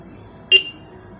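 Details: One short high electronic beep from a View2home K-3S non-contact infrared thermometer (wall-mounted or on a stand) as it switches on, set to beep only, without voice announcement.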